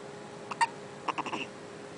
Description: my son at 1 months old having the hiccups so cute.